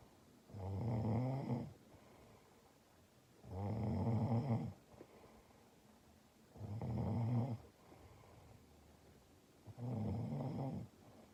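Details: Congested, sick adult female roommate snoring in deep sleep with a humidifier on: regular loud snores, about 20 breaths a minute, with quiet gaps and a faint steady hum.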